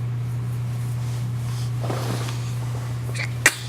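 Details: Infant, who recently passed a hearing test, being woken; steady low hum and soft rustling, then one short sharp burst at the end: first sneeze.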